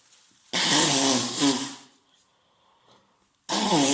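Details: Adult man on day three of a common cold, stuffed yet runny nose, sore throat: a sharp, loud explosive sneeze with a brief rising voiced tail, then a second burst starting. Sneezing.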